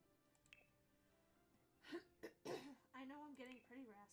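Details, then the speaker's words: Adult with a sore, raspy throat after talking for a long time clears the throat with a few harsh bursts, then a short voiced hum, over soft background music. "pretty raspy. It's just because I've been at this for quite a while. My throat is sore."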